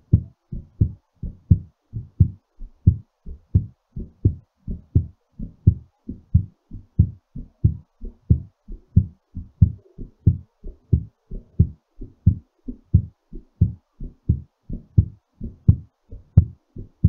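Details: Steady lub-dub heartbeat at about 85 to 90 beats a minute, slightly quick as the heart settles after exercise; normal heartbeat after exercise.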